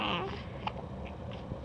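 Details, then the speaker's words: 5-week-old infant baby-talking, then a brief coo followed by small, sharp, rapid-fire hiccup sounds in close succession: infant hiccups. "are rapid fire hiccups [Laughter] I oh we got raspberries too you got the [Music] hiccup"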